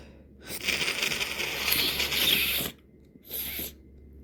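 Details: Two hissy, congested sneezes, the second short and stifled, over a low room hum; evening sneezing after days of nasal irritation from irritants and frequent nose rubbing.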